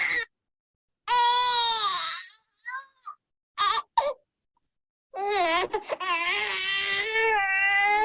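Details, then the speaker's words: Dunstan Baby Language lower-wind colic cry: intense, high-pitched infant screaming in long, strained bouts, sounding constipated and stuck, indicating painful gas in the gut and marked distress. "S as though the baby's a bit constipated and stuck it sounds yeah"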